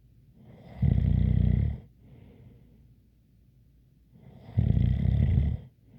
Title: Snoring Sounds ZZzzz with a light whistle